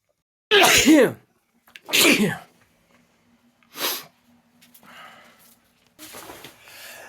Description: Compilation of the sneezes I managed to record this week.